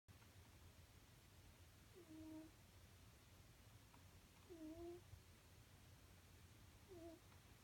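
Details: Snoring in a cat sleeping comfortably: soft, squeaky whistling snores with each breath, about 25 a minute, over steady room noise.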